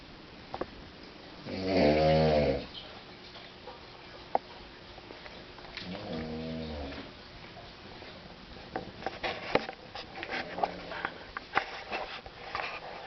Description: This is my brother snoring his head off..... every night I hear this through the whole house, even with his and my door shut! help!